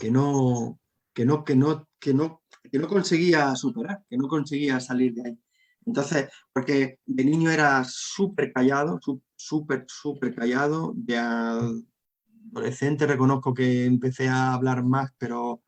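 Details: Adult Spanish-speaking man who stutters, with a constant struggle in childhood and adolescence to hide it: stuttering.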